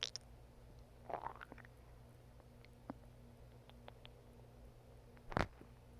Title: Stomach growling